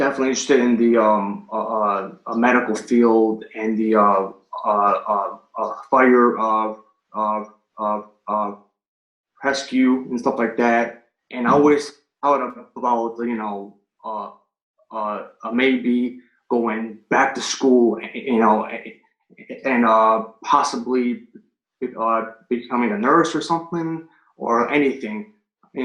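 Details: Stuttering in an adult man who has stuttered since third grade, recorded before starting a stuttering coaching program.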